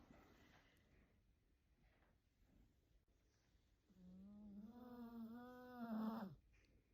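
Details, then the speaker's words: Sleeping female pet snoring loudly in a quiet room: soft breathing, then a drawn-out, whistling, tonal snore on one breath; harmless snoring. "she's loud. We'll never be able to sleep with Be that. quiet, she's really snoring."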